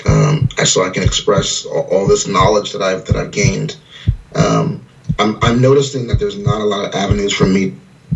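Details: 41-year-old man with severe stutter; word repetitions and filler "um", stuttering.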